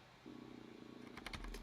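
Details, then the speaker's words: Adult speaker's own stomach, caught by the microphone while he talks through a computer setup: a low, sustained rumbling growl, with keyboard clicks toward the end; stomach growling (borborygmi). "and that's my stomach I hope you couldn't hear that that's awkward"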